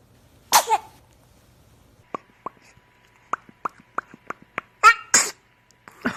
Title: Cutest BABY 2019 Sneezing Moments - FUNNY 2019 BABY 2019 Video